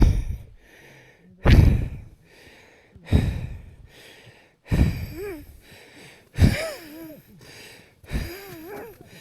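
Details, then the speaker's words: Heavy breathing while lying at rest in bed at Camp 3 on Mt Everest without an oxygen mask, harder than at marathon pace: deep, loud, effortful breaths with gasps and sighs, about 37 a minute. "I can't believe this my respiration just lying down in bed at Camp 3 wow it's amazing tell you I don't breathe this hard when I'm Marathon piece it's incredible"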